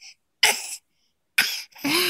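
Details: Toddler boy coughing on command as a playful trick he finds funny, not from illness; two short, sharp deliberate coughs, voluntary cough.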